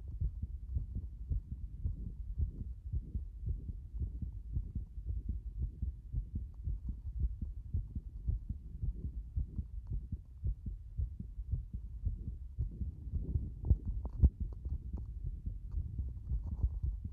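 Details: A heart beating like this since this morning: muffled low thumping at roughly 110 a minute with uneven spacing between beats, suggesting a fast, irregular rhythm.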